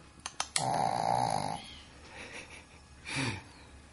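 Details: Snoring from a small dog: a few clicks, then a loud whistling, snorting breath and a shorter snore after a pause.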